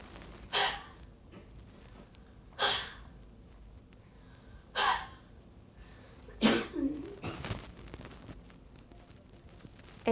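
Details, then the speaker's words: Cystic fibrosis patient using high-frequency chest wall oscillation vest, after cycle two (12 Hz, pressure 6, six minutes): four forceful breathy open-mouth huffs about two seconds apart, then a short cough; huff coughing for airway clearance. "so our frequency has increased a little bit pressure remains the same and the time remains the same and what six minutes has elapsed she will again have cough"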